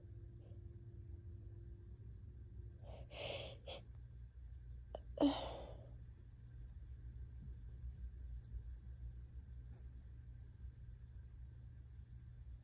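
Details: Two harsh, desperate, barky sneeze bursts close together over a steady low room hum, then quiet. Sneezing.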